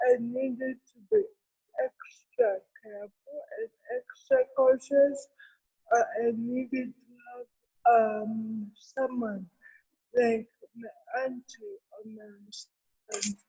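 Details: Adult woman with cerebral palsy, with dysarthria.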